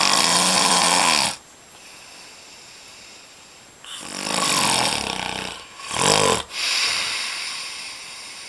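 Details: Vintage recording of a man snoring: harsh, loud rasping snores with snorting bursts between quieter pauses, showing heavy snoring during sleep.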